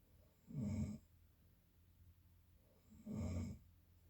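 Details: Two low, rattling snores on breathing in, about 2.5 seconds apart, with quiet room noise between them; ordinary snoring.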